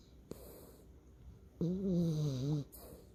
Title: Stinker Snoring